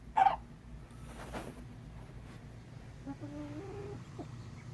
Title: Wheezing sneezing chickens